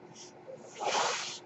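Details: Noise from the speaker's own ventilator, heard at the start of a podcast recording: the sound of a mechanical ventilator.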